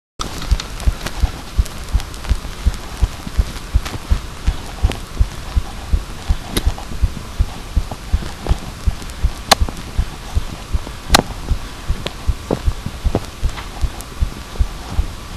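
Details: Steady low thumps at about 80 beats a minute under loud hiss and occasional clicks; a heartbeat recorded by microphone.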